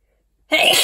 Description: Lots of sneezing after being up in my dusty attic.